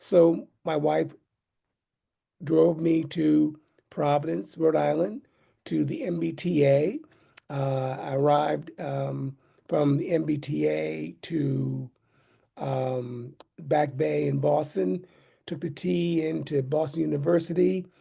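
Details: Adult man with aphasia caused by a stroke in 2016, almost nine years earlier.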